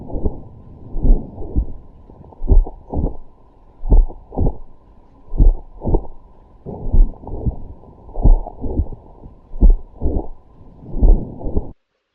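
Slow, regular paired heart sounds, about 42 beats a minute, with a soft murmur filling late systole: late systolic murmur of mitral valve prolapse.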